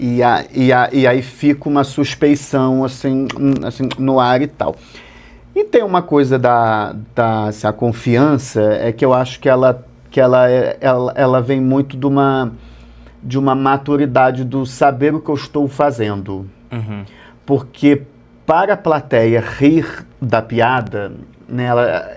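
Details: Adult male Portuguese-speaking comedian who has stuttered since childhood; stuttering runs in his family and comes and goes; stuttering.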